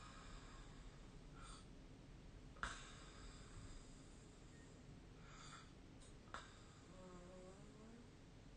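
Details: Snoring during sleep, possibly recorded with a snore-tracking app: two faint, rough breath noises about four seconds apart, with soft clicks and quiet room hiss between them.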